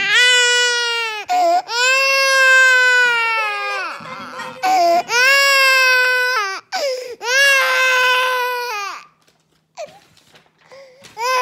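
Loud, sustained wailing cries in repeated bouts with short catch breaths between, then fading whimpers; a baby crying.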